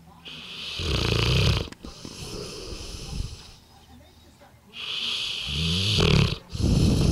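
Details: Loud, deep, rumbling breaths in repeated long cycles from a 2-year-old Bullmastiff napping after a large Christmas turkey meal; heavy snoring in a sleeping dog.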